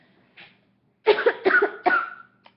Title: Random facts #3/ Cough Galore